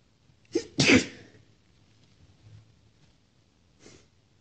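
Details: A female's sharp in-breath, then one loud, explosive sneeze from a series of six powerful sneezes, some partly stifled; a faint sniff follows a few seconds later.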